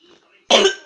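A single harsh, abrupt cough after a brief quiet breath; a cough in someone with a sore throat.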